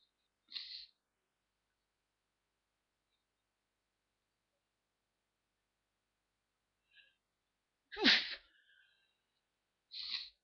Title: a few holliday sneezes